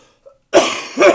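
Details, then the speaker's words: Adult who says they are still sick gives two quick, loose coughs in a row mid-conversation, typical of an ongoing respiratory illness; cough. "still sick by the way so I'm sorry for all the coughing yeah sorry if I sound like a dude a little bit"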